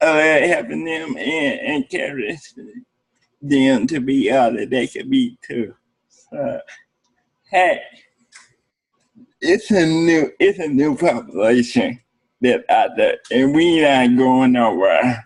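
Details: Adult man with cerebral palsy speaking in an interview; cerebral palsy is noted as able to affect speech. Dysarthria (cerebral palsy).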